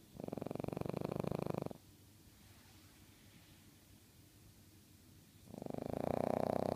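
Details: Soft rhythmic rattling on each inhalation with a quiet pause between; a cat snoring while asleep.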